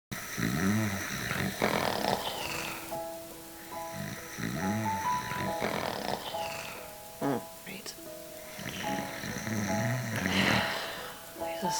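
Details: Simulated snoring in a staged comedy sketch about a loud sleeper: heavy, rattling snores repeat over background music and some talk.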